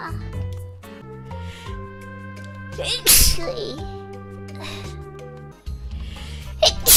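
Two sudden, sharp sneezes, one mid-clip and one near the end, over background music.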